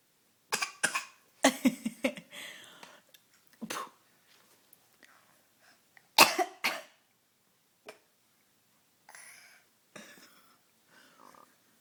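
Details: Young child imitating coughing: a series of short cough bursts and throat-clearing sounds with pauses between.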